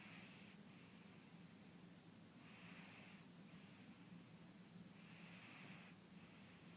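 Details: Gentle snoring from a sleeping cat: soft, hissy breaths recur about every two and a half seconds over a steady low room hum.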